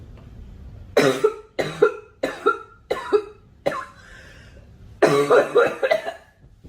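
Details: Girl coughing: a run of about six sharp, harsh coughs in quick succession, then a longer burst of coughing.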